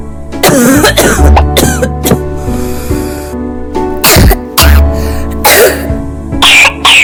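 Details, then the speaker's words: A child's repeated dry, tight coughs over background music. A cough that occurs especially at night, in cold weather, or with physical activity may suggest asthma. "Si la tos ocurre en forma especialmente durante la noche o el clima frío, O cada vez que su hijo realiza alguna actividad física, Entonces puede ser un signo de asma."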